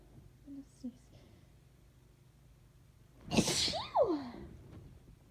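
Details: Sneezes recorded on request, after 'oh' build-up: quiet in-breaths, then one sharp explosive sneeze with a rising-falling vocal 'choo' at the end in a quiet room; sneezing.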